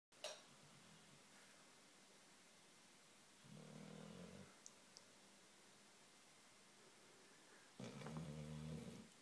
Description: Zoey the lab cross shar pei snoring up a treat.